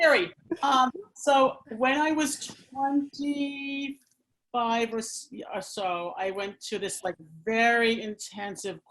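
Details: Adult woman who stammers and works with people who stammer, speaking conversationally; stuttering.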